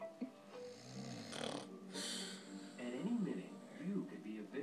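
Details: Snoring from a sleeping man, rough snores partly masked by a loud television advert playing in the room.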